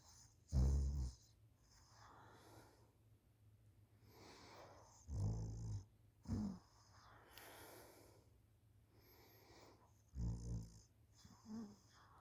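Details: School student asleep on the couch after school, recorded by mother: low, irregular snoring snorts on in-breaths, about 13 a minute, over steady room hum; snoring.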